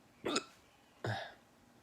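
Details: Two short, abrupt gulping catches in the throat, about a second apart: hiccups.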